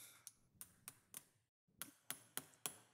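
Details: Demonstration of revision cervical total disc replacement on a headless model specimen. Seven sharp metallic taps in two groups as a mallet seats the cervical disc implant.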